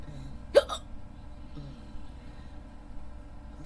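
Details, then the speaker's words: Sleepy person with hiccups on and off for 15–20 minutes, unable to fall asleep, single loud abrupt voiced hiccup with quick follow-on catch, saying excuse me, over low hum; audio only; hiccups. "I can't can't do to these hiccup hiccups excuse me I've had them for about I've had them off and on for about 15 20 minutes I'm sleepy but I can't can't fall asleep excuse me excuse me"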